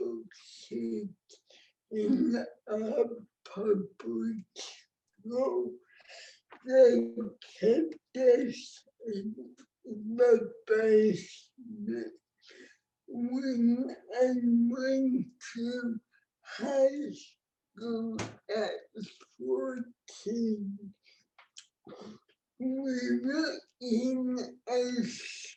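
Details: Real speech from an adult woman with cerebral palsy, a condition present since she was born before the ADA; dysarthric speech.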